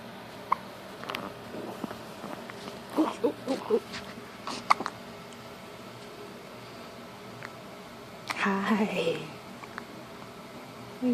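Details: Baby boy with hiccups: short, abrupt hiccup sounds with soft baby noises between them and an adult talking gently in a small room.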